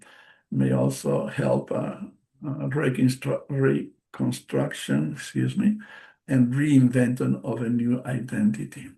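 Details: Man, a stroke survivor with post-stroke aphasia, speaking English as a non-native speaker during a presentation; word repetitions and self-corrections are audible; aphasia.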